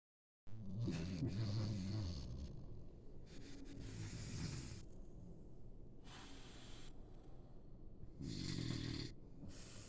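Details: German Shorthaired Pointer dog snoring.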